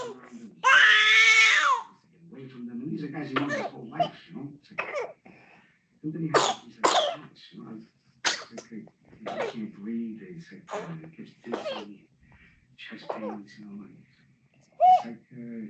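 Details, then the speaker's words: Infant with whooping cough (pertussis), skin and lips changing colour: runs of rapid coughs followed by a high-pitched crowing intake of breath, a paroxysm with inspiratory stridor. "Tose, tose, tose, tose, tose. Y es el sonido. Se llama instridor respiratorio."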